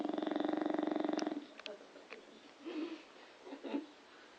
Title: bulldog snoring!